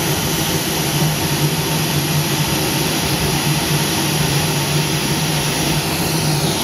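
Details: Fotona Nd:YAG laser treatment of spider veins; steady loud whooshing, fan-like roar with low hum of the laser and its cold-air cooling unit: Nd:YAG laser and cooling unit noise.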